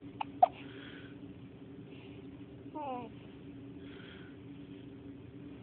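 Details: Five-day-old baby girl at 5 am, her first heard hiccups: two sharp, brief hiccup sounds close together in a quiet room, then a short infant vocal sound; infant hiccups.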